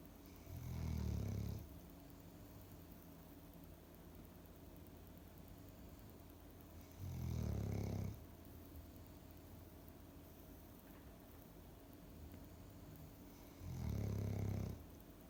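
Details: Low rumbling snores about every six to seven seconds, roughly nine a minute, over steady room noise, from a dog asleep on the living-room floor; ordinary snoring.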